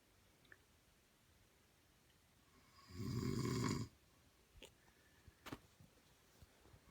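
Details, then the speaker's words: Man snoring loudly in sleep, said to sound like a marching band: a single low rumbling snore of about a second in a quiet room, then faint clicks and rustles. "brah hi you were sorry really loud one yeah this is when he sleeps he sounds like a marching band"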